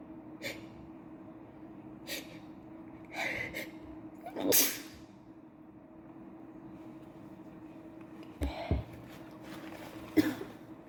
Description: Today has not been a good day, I can't stop sneezing.